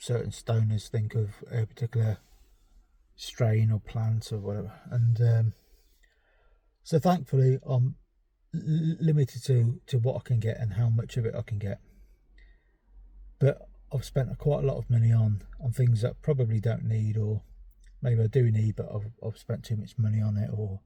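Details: Adult male with ADHD and a self-reported stammer; stuttering.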